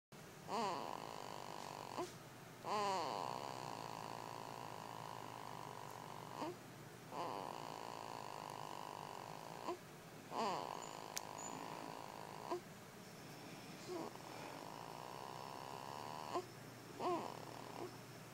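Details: Infant snoring: soft, squeaky snores with each breath, brief fluttering sounds at the start of breaths, over a steady room hum.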